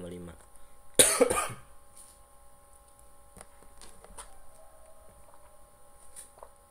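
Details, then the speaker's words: Adult teacher coughing during a statistics lesson, apologizing for coughing repeatedly because the throat is itchy. "Mohon maaf saya dari tadi batuk-batuk karena Fauzan dengarkan saya sedang gatal"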